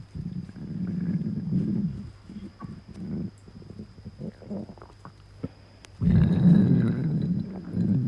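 Low drawn-out growls and gurgling rumbles, with a louder stretch near the end: ordinary stomach growling.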